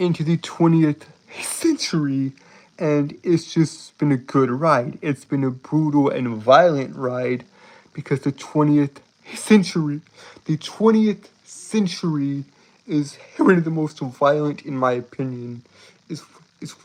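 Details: Man who reports a speech impediment causing him to stutter and trip over his words, with repeated phrases in this stretch; stuttering.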